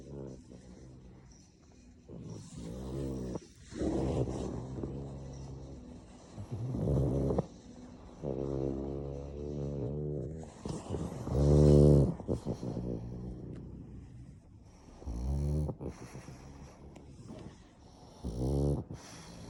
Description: My cute black pug snoring away! Pug life!